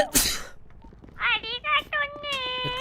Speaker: I just sneezed.